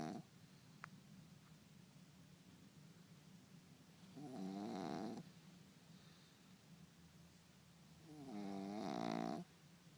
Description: Mimi recording Tubblez snoring with Daddy